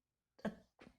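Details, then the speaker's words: Two short, rough snorting breaths from a pug in a quiet room: snuffly, cough-like snoring or noisy breathing. "Oh, and there you can hear pug breathing, pug snoring in the background too."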